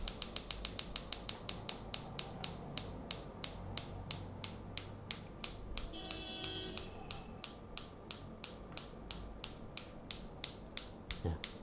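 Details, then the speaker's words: Shockwave therapy applicator for erectile dysfunction firing during a clinic demonstration: rapid series of sharp clicks, fast then steadier, as the button adjusts pulse speed and power; faint room noise. "once we start shock waves this is very simple and there is a button here you can hear the sound and this is to improve and uh increase and decrease increasing decrease the speed and power"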